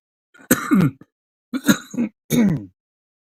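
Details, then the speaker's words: Adult live-streamer gives three short, harsh throat-clearing and cough bursts close to the microphone; throat clearing and cough. "I'll really overdo it on a vape and just start coughing up right into the mic."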